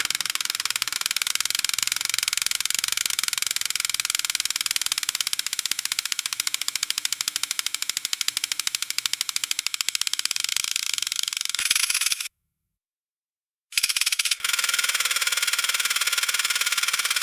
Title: Bone Saw Motor Sound Effect